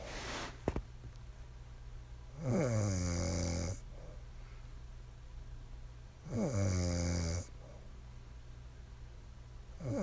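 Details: Wife snoring: deep, rough snores on each breath in, about 16 a minute, with quiet pauses between.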